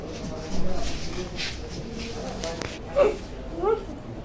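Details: Vocal tics in a male patient with Tourette syndrome, a neurological disorder, presenting with motor tics in different body parts along with abnormal sounds.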